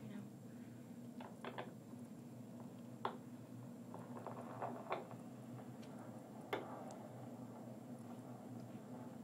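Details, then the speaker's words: First-ever Doppler recording of fetal heart tones of a baby boy: really fast pulses in the 170s to 180s per minute range, judged perfect. "oh my gosh nice huh it's really fast oh goodness it sounds great it's the 170s to 180s range so it's really fast and perfect"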